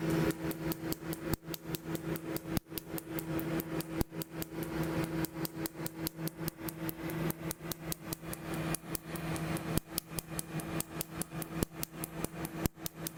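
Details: Rapid sharp snapping clicks, about one per second, over a steady hum: a laser tattoo removal device firing on a small line at the top of a woman's chest tattoo, second session.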